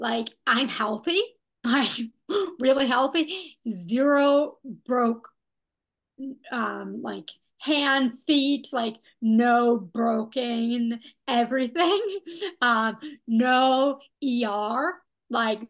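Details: Young woman who had a stroke at age 27, after intensive rehabilitation; post-stroke aphasia.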